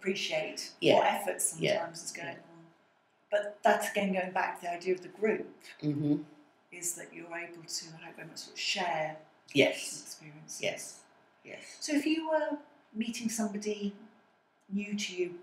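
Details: Adult speaker in conversation; typical speech.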